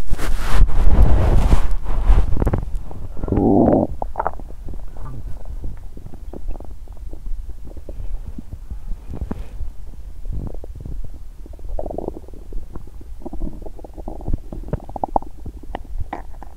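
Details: Stomach sounds after exercising on an empty stomach, which made her feel unwell: loud gurgling and rumbling at first, then softer irregular gurgles and clicks; bowel sounds.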